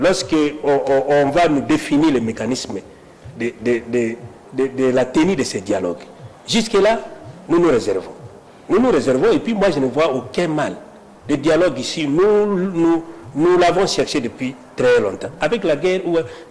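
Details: Adult man who says he stutters (self-identified stammerer), speaking French spontaneously with repeated syllables: stuttering.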